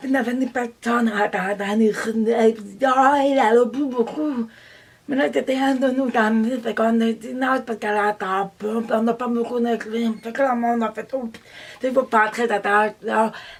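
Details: Deaf woman who does not hear and reads lips; deaf speech.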